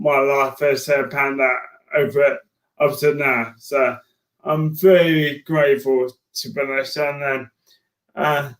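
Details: Man diagnosed with motor neurone disease in January 2018; his speech became slow and slurred as an early sign of the disease, alongside frequent tripping. Dysarthria (motor neurone disease).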